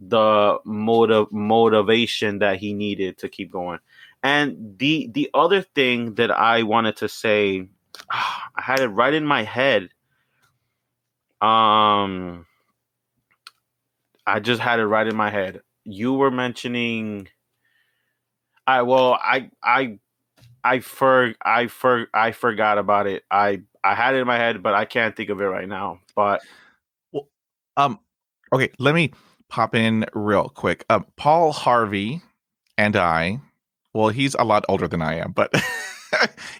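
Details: Stuttering in a 29-year-old bilingual Spanish-English man born in Venezuela; he is currently in speech therapy, practises by talking to strangers, and reports no other family members who stutter.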